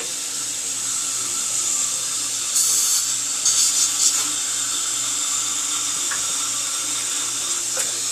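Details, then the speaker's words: Continuous high-pitched dental drill hiss and whine with brief louder bursts and water spray. Recorded while decay is cleaned out during a bonded white (tooth-colored resin) filling done without needles. "Okay, and this will be the last of the drilling."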